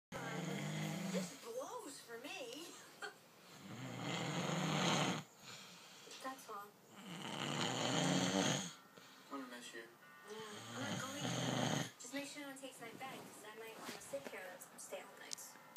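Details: Loud, rough snores with voice-like rattles, about one every three to four seconds, with quieter breathing between: snoring.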